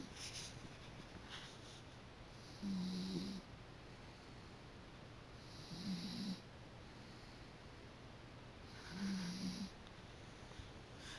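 Low, buzzing snores at about 19 breaths a minute, each with a soft hiss, against steady background hum: a dog snoring.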